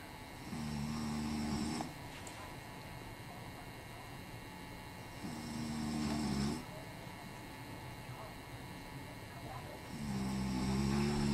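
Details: Father snoring while napping: three long, droning snores about every four to five seconds over a steady hum of room noise; regular snoring.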